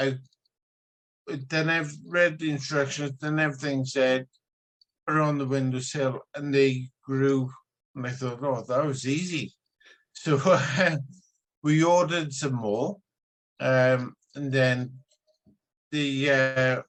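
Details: Man with spinocerebellar ataxia type 14, genetically diagnosed, brother also affected; consultant noticed something wrong as soon as he spoke; ataxic dysarthria.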